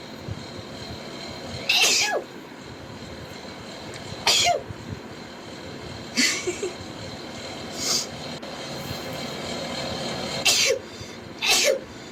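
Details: Girls sneezing rapidly: six sharp sneezes in quick succession over a steady rumbling background.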